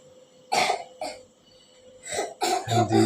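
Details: Young child with cough and cold, receiving red-light lamp treatment: harsh coughs, about four or five in quick bursts, with a throat clear.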